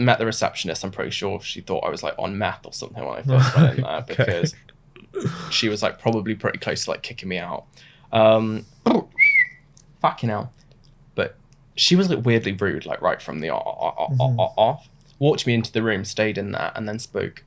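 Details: Adult man diagnosed with Tourette syndrome suddenly in his mid-twenties, around age 26; vocal tics began about two months after onset; involuntary, unplanned swearing and words interrupt his speech. Finding: Tourette syndrome vocal tics (coprolalia).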